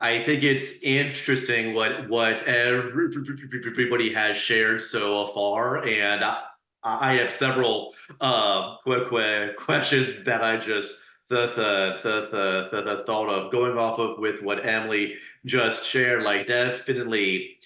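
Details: Adult panelist who stutters, speaking on a webinar about stuttering and dating, with audible repetitions and blocks; stuttering.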